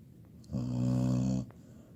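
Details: 17-year-old female labradoodle asleep: a loud, low, fluttering snore lasting about one second in a quiet room; dog snoring.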